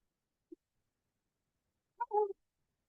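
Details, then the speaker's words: Sleeping infant with laryngomalacia, quiet stridor despite marked costal retractions and discomfort on an oxygen catheter: brief high-pitched musical crowing noise on inspiration; inspiratory stridor. "Vocês vem que o estridor tá bem baixinho, tá? Vocês estão ouvindo baixo porque ele tá bem baixinho, né?"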